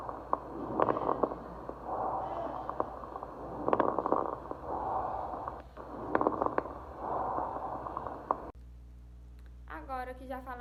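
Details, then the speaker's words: Lung auscultation teaching demonstration of fine crackles (fine rales), discontinuous sounds like hair rubbed between fingers or Velcro opening. "escutem sobre os crepitantes chamados de estertores finos tem a audição como se fosse frisando fios de cabelo ou então o fecho de velcro"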